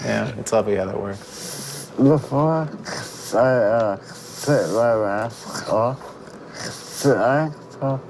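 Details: 27-year-old man with spinal muscular atrophy who lost speech after a tracheostomy breathing tube, speaking briefly with the trach tube adjusted for the first time in months, reciting the alphabet; dysarthria.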